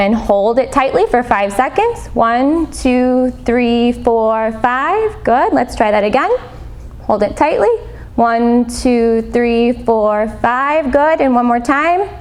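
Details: Adult woman speaking; plain speech.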